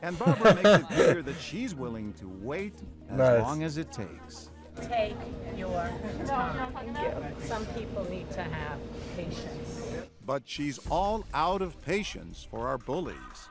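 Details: Adult narrator; normal speech.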